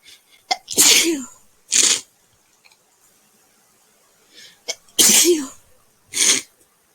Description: My roommate lit that candle and it made me sneeze. She blew it out once she realized it set me off but the damage had been done the scent was lingering around our dorm.